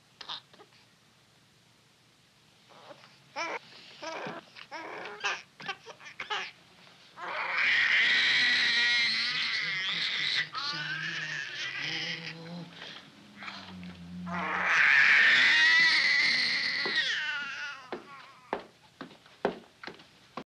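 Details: Male infant deliberately provoked into a crying fit in a scene from a 1975 Belgian film; after quieter fussing, loud, high-pitched crying in long wailing bursts with gasping pauses.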